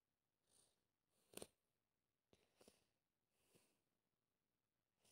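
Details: Person at home sick with a cold: several quiet sniffs and a sharp sneeze-like burst in a small, quiet room; sneezing.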